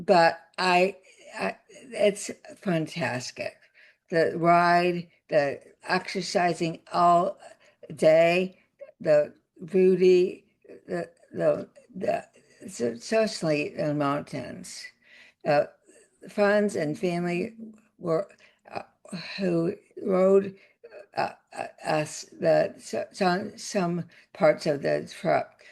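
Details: Aphasia with paralysis after a significant stroke in an adult woman, a former tenured professor; aphasia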